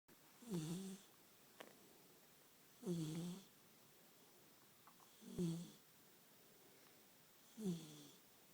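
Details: 14-week-old chocolate Labrador puppy snoring while asleep: soft, low rattling snores roughly one every two to three seconds, with quiet pauses between.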